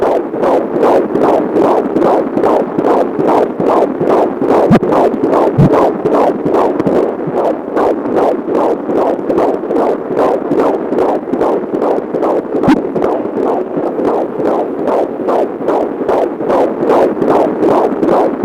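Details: Fetal heartbeat on Doppler, used in a pregnancy announcement: fast, regular whooshing pulses at about 146 a minute.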